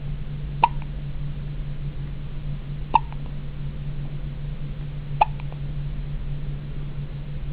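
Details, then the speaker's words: Infant with a pretty good case of hiccups, recorded in the hospital: three sharp, brief hiccups about two seconds apart over a steady low hum of room noise. "so here we are in the hospital and sophia's got the hiccups a pretty good case of them"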